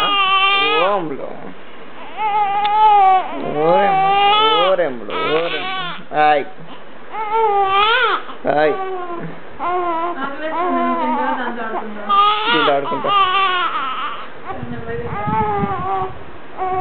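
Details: Repeated rising and falling wails from a young infant, video labelled week 4, with brief breaths between cries and an adult's soothing sounds near the end: infant crying.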